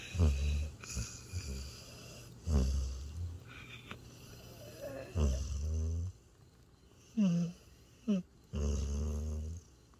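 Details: Tired border collie–Australian shepherd mix, after a day's hike, asleep in owner's arms by a campfire, snoring: deep, rattling snorts at irregular intervals, some long, some brief, in a quiet setting.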